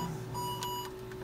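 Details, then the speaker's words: Covidien pulse oximeter alarm when the adult finger sensor is disconnected: steady electronic alarm tones over low room hum, with flashing lights, silenced with the orange button. "You'll have these flashing lights and this beep. You can silence it by mashing the orange button."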